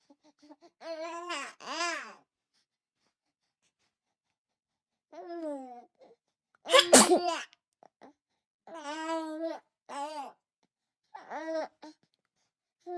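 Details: Babies sneezing: several short infant sneezes with high-pitched voiced squeals between them, ordinary baby sneezing.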